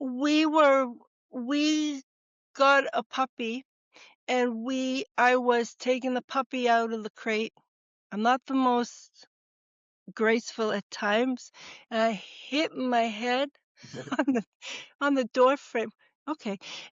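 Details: Woman, former educator of 30 years, with TIAs following atrial fibrillation and cardioversion, real speech: expressive (Broca's) aphasia.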